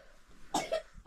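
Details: Household member with a cough, one of three people coughing through a sleepless night after a check-up found a virus: two quick coughs close together in a quiet indoor room.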